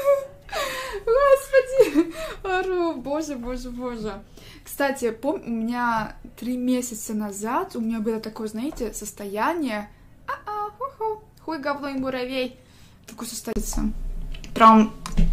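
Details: Female streamer presented as having Tourette syndrome; vocal tics with coprolalia.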